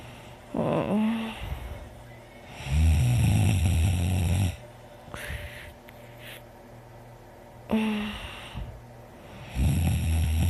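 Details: Slow, low, rattling noises on the in-breath, repeating every few seconds, with quieter out-breaths between; snoring during sleep.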